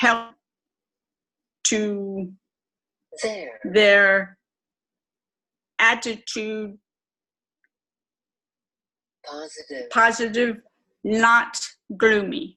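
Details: Adult woman, stroke twelve years earlier, self-reported severe aphasia with severe apraxia of speech; chronic post-stroke aphasia with apraxia of speech.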